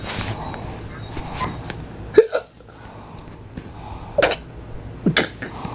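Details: Onyx, lying on someone and playing, has three sharp, abrupt hiccups over about six seconds amid room noise and low voices; also fake coughing noted; hiccups.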